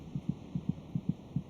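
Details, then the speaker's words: Fetal heartbeat in the womb: rapid, soft paired thumps at about 150 a minute, roughly twice the mother's rate. "by week twenty six it may just be possible to hear the fetal heartbeat by putting your ear against the mothers abdomen did you kick the fetus's heart meets about twice as fast as our mothers monitoring the baby's heartbeat gives a good indication of his general condition"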